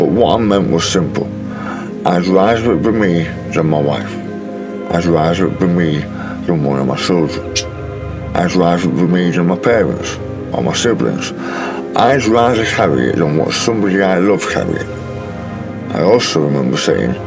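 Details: Adult man speaking after an 18-hour operation for stage 4 tongue cancer, which left him with a different voice; altered articulation after partial glossectomy.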